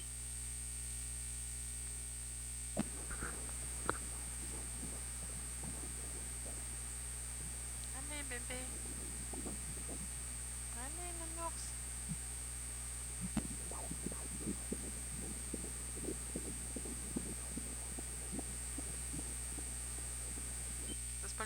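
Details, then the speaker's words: Fetal heartbeat on Doppler ultrasound at 20 weeks of pregnancy: fast rhythmic pulses about 150 beats per minute, normal for this stage, fading when the baby moves away from the probe, under steady machine hum. "Le cœur du bébé bat à 150 battements par minute. Ça, c'est complètement normal pour ce stade-ci de la grossesse."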